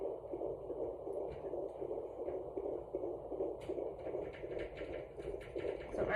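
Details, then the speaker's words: Fetal Doppler (Sonoline B) at 14 weeks of pregnancy: rapid, rhythmic whooshing pulses at about 160 a minute, sounding like a train, a fetal heartbeat at a good angle. "there's a good angle of the baby again this sounds more like a train this time"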